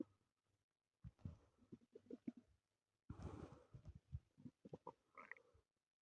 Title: my stomach growling (only audio)